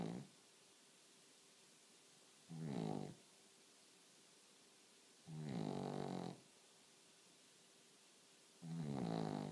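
Rough, rattling snores recur about every three seconds, roughly 20 a minute, with quiet between: snoring in a sleeping dog.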